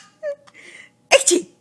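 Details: A single sharp, explosive sneeze of air and voice preceded by a few soft vocal sounds, recorded on a hidden camera.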